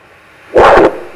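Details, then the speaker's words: Healthy person, Doppler over the leg vein with calf squeeze: a single brief whooshing burst like a dog's bark, then quiet, no backflow sound; normal venous Doppler signal. "개 짖는 소리 같죠 정상입니다"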